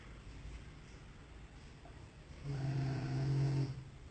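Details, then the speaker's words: Guard dog snoring at 11 p.m., heard from an upstairs window: a low, rumbling, vibrating snore, one long snoring breath over a quiet nighttime background. "Tá aí, pessoal, 11 horas da noite. Tá aí meu cão de guarda roncando"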